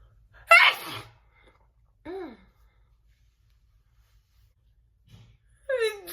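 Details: Burst of big sneezes, some stifled or held back: a loud explosive sneeze, then a short voiced gasp and a later gasping intake of breath; sneezing.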